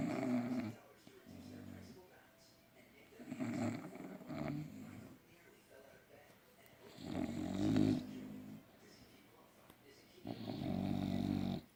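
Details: Sleeping bulldogs snoring: loud, rough snores, several overlapping, with quieter breathing between.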